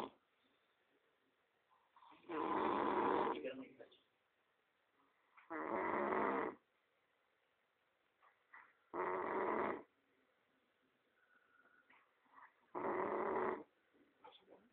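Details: Human friend sleeping: four loud, rough snores on the in-breath at about 18 a minute, with quiet breathing between; ordinary deep snoring.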